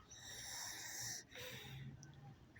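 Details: A person with a tracheostomy breathes just after a jog, with mucus crusted on the trach after snoring overnight. Noisy, hissing breaths come with whistling and rattly tones from secretions in the tube. Finding: laboured tracheostomy breathing with secretions.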